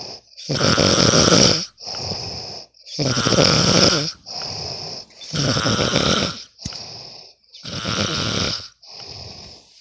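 Loud rough snores on each breath in and out, about 12 breaths a minute, during sleep.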